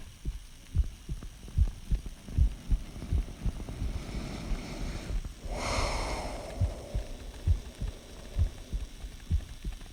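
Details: Adult's own heartbeat recorded close up for detail, not rhythm; they ask whether it sounds healthy: regular low thumping heart sounds at about 74 beats a minute with brief rustling midway.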